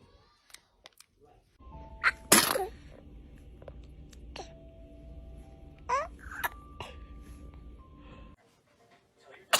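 A quick, high-pitched burst from an infant over background music and household noise: a single sneeze.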